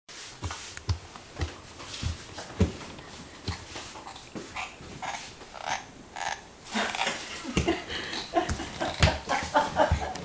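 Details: 8-month-old baby grinding teeth (bruxism): irregular short gritty clicks and scrapes in a quiet indoor room.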